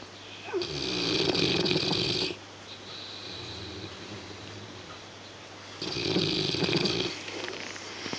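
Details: Dogue de Bordeaux (French Mastiff) dog snoring while sleeping on a couch: two long, loud, rattling snores with quieter breathing between them.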